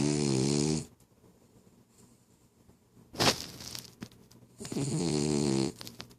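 Two loud buzzing snores with a quiet pause between, plus a snort in the middle; a sleeping dog snoring.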